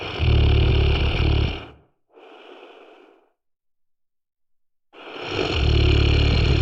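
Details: Loud, rough, rattling snores on the in-breath with a quieter breath out between them; snoring.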